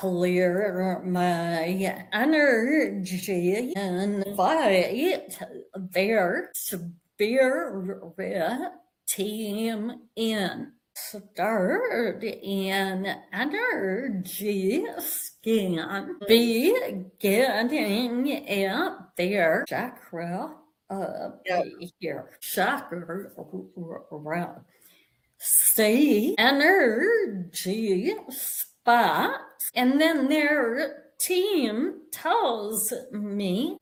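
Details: Adult woman with a vocal tremor attributed to over 50 years of narcissistic abuse and trauma beginning at age five, manifesting after decades of abusive relationships; vocal tremor.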